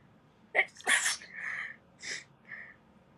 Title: Cute Japaneze girls sneezing くしゃみ107